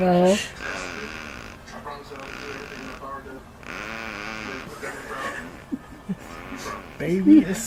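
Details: Sleeping baby snoring loudly: repeated buzzing, rattling snores with adult voices talking over them; ordinary harmless snoring.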